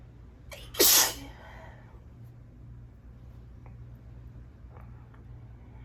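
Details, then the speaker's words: Allergy sneezing: a quick intake of breath, then one loud explosive sneeze and quiet room noise. The person says they need to sneeze again. "Oh my God. I'm gonna sneeze. I'm gonna sneeze. I think I need to sneeze again."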